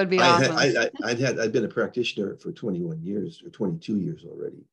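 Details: Adult man with progressing Parkinson's disease who reports stuttering a little and losing his words; finding: speech disfluency in Parkinson's disease.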